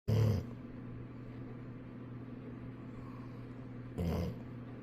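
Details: Golden retriever asleep leaning against its owner, snoring loudly: two deep, rumbling breath sounds about four seconds apart, with quiet between them; snoring.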